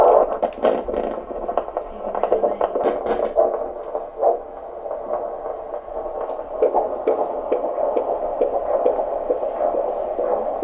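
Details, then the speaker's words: Fetal heartbeat on a home Doppler over a 33-year-old mother's pregnancy belly, sex unknown: fast whooshing pulses with shifting static as the probe chases the moving baby to find the heartbeat. "play this little game where they run away from the Doppler and see if you have to chase them to find the heartbeat."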